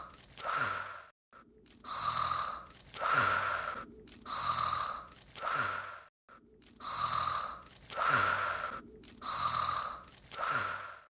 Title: Snore - Sekai Seifuku: Bouryaku no Zvezda (Loop)